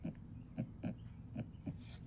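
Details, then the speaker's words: Normal heart sounds from a healthy heart: steady lub-dub at about 75 beats a minute; S1 from closure of the AV valves after atrial filling of the ventricles, S2 from closure of the aortic and pulmonary valves. "first heart sound lobe also known as s1 is caused by the closing of the av valves after the atria have pumped blood into the ventricles"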